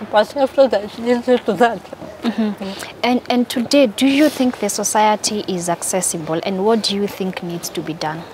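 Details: Adult woman, interviewer; typical speech.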